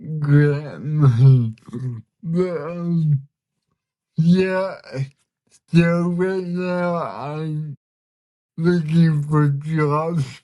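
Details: Dysarthria from cerebral palsy in a 32-year-old man, a bodybuilder and artist; listeners say he is hard to understand at first and that communicating is sometimes hard for him; real, not acted.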